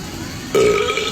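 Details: A single loud, low, voiced belch lasting about half a second after background noise, from a shirtless man: burping.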